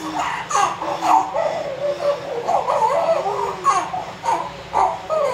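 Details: Newborn baby boy just after normal vaginal delivery: short, high, wavering cries with brief pauses for breath; a normal newborn cry.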